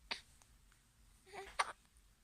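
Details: 3-month-old baby girl with ordinary hiccups, before being given honey: two short, sharp catching sounds about a second and a half apart in a quiet room.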